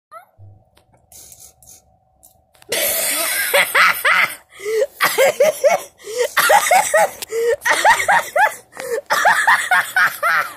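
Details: Laughter-induced cough: bursts of high-pitched laughter repeatedly break into short, harsh coughs, laughing and coughing running together, as people start coughing on laughter.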